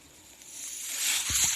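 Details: The speaker's own mechanical ventilator is audible behind his speech as he introduces a recorded podcast; mechanical ventilator breath.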